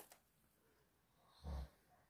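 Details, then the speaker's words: A single brief, loud, low rumbling snore from a sleeping adult man, heard in the background of a quiet room; snoring. "Je suis désolée, vous allez entendre mon mari qui ronfle parce qu'il ronfle hyper fort."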